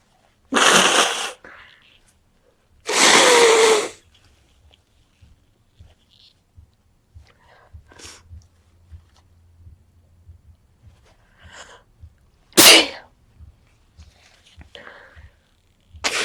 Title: Cold sneezing (very sneezy)